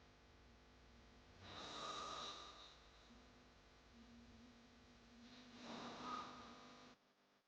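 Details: Snoring sound-effect recording: two loud, rough snoring breaths about four seconds apart over a low steady hum.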